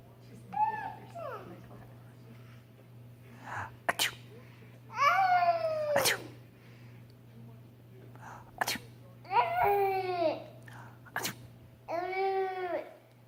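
Several sharp sneezes from a young child between short babbling vocal sounds; ordinary sneezing in a small room.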